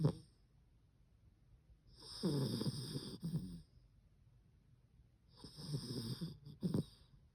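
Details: Cream poodle snoring in sleep: two loud, rattling snores on the in-breath, several seconds apart, in a quiet room. The owner says the snoring keeps them awake.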